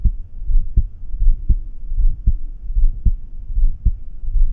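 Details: Normal heart sounds heard at the aortic area during a heart exam: steady heartbeat at about 77 beats a minute, with no abnormality noted.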